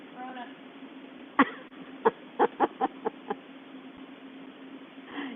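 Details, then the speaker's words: Single cough from an adult instructor during a balance exercise class, described as not a corona cough; cough. "that's not a corona cough but I have been told and you all know I'm not quite appropriate that we used to cost to cover up a part now we fart to cover up the sound of a cough"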